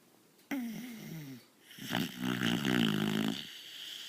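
Two noisy, rattling breaths with a slightly whistling, droning tone, in keeping with snoring.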